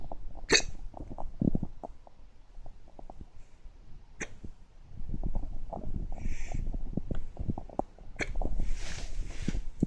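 Sharp, abrupt catches of breath recur through the clip over background noise, consistent with hiccups.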